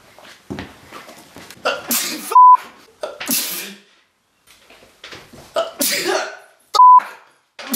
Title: Sneezing With Eyes Open - Snorting Pepper